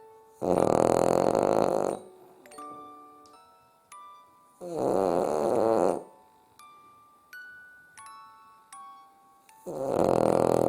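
Loud, rough, rattling snores about every four seconds from a sleeping flat-faced dog, with faint chiming music between breaths.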